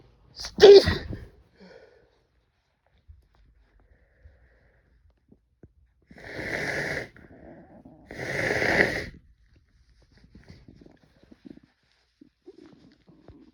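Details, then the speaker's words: Male sneezing after taking chhikni nasal snuff, with watering eyes: one sharp sneeze, then two long breathy exhalations or stifled sneezes with quiet shuffling between; sneezing. "Oh, fuck, I'm gonna sneeze. Oh. I did a little too much there."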